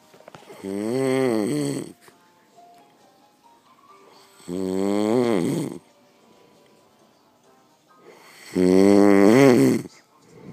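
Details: Three loud, rumbling snores from a sleeping dad, about four seconds apart, roughly 15 breaths a minute, with quiet exhalations between; heavy snoring.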